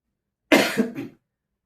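A single short adult cough with a sharp onset and a brief trailing second push.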